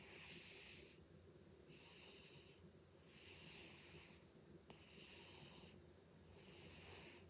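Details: A sleeping cat snores loudly, with rhythmic raspy snoring on each breath at about 35 breaths a minute.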